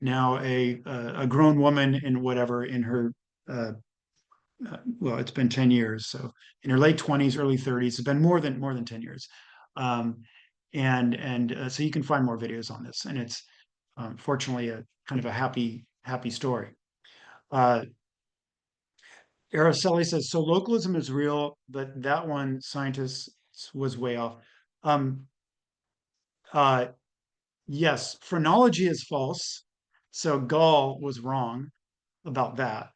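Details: Adult speaker; normal speech.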